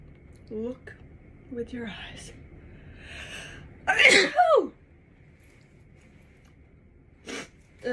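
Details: A loud, sharp sneeze with a quick intake before it, among brief quiet speech in a small room, just after putting on makeup; sneezing.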